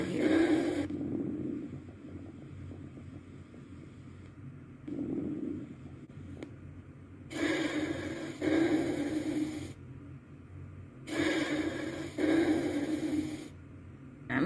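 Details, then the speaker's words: Simulated iHuman virtual clinical exam by a nursing student: normal breath sounds, respiration rate 16, regular and unlabored. "for respiration rate i got 16. and it is regular and unlabored"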